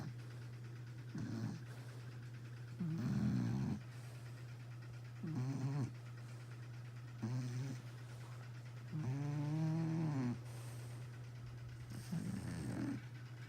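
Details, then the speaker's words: Loud snoring in a sleeping Shar-Pei puppy: repeated low, rattling snores, about nine a minute, over a steady hum; owner remarks on how loud it is. "Sativa. Sativa. Sativa. Why you snoring so loud? He's like, ugh, leave me alone."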